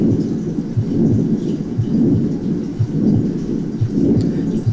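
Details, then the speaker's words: Patent ductus arteriosus: continuous, rumbling machinery murmur with diamond shape, starting with S1 and ending at the next S1, swelling with each heartbeat. "así podemos escuchar el soplo de la persistencia del conducto arterioso escocia en un soplo continuo vean la forma romboidal"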